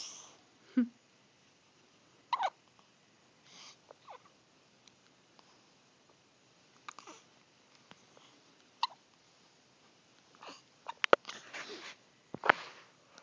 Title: I can has hiccups!